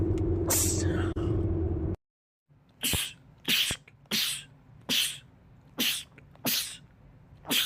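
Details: Man's rapid sneezing attack: seven sharp sneezes in quick succession, roughly one per second, after a brief noisy lead-in, from a compilation of film/TV clips.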